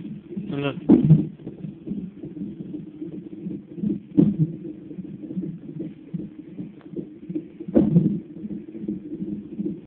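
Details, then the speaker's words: Fetal hiccups recorded in the womb: three sharp jolts about 3.5 seconds apart over a steady low whooshing hum, one jolt heard as a kick and hiccup at the same time. "He's getting mad at his hiccups. That sounded like a kick. It was a kick and a hiccup at the same time."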